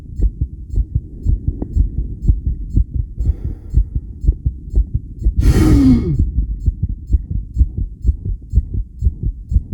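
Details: Own heartbeat recorded with a self-made electric stethoscope while connected to a 10-lead suction-electrode ECG after regulated breathing; strong, fast beat around 120 a minute, uneven spacing; tachycardia with extrasystoles, rhythm changes attributed to breathing and CO2.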